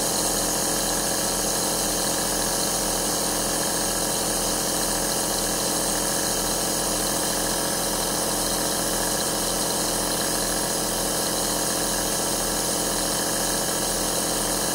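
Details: Steady mechanical hum with a fast rattling pulse: the continuous running sound of an aerosol compressor nebulizer, recorded as relaxing sleep white noise.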